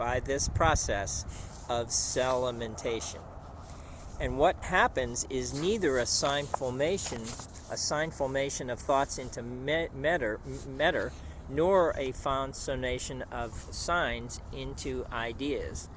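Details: Man after a stroke, reading a book aloud in an archival recording; output contains non-words and word substitutions; expressive aphasia with paraphasia.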